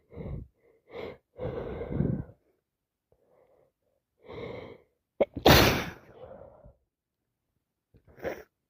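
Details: Person with a severe wet head cold, recorded in real time: several breathy build-ups followed by one forceful wet sneeze and a softer sneeze; repeated sneezing.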